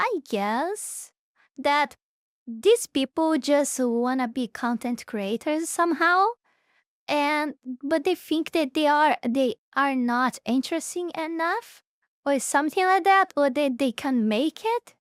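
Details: Adult speaker; normal speech.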